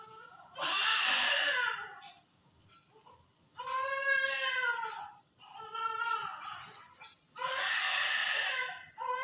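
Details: 22-week extremely preterm, low-birth-weight baby boy, first day in NICU, partly recovered, sepsis mentioned, crying during massage and handling: four high-pitched, strained cry bursts separated by pauses.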